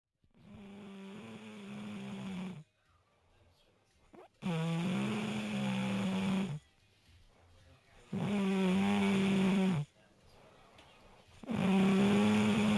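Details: Person snoring during sleep: loud, buzzing, tone-like snores with quieter breaths between, about 18 breaths a minute.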